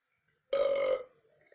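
A single clear, voiced burp lasting about half a second in a quiet room.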